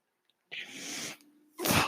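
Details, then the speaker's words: Real recording: a mechanical ventilator heard as he talks, two bursts of hissing airflow with a faint low hum between them. Mechanical ventilator sound. "hello everyone my name is that noise you're hearing is like ventilator"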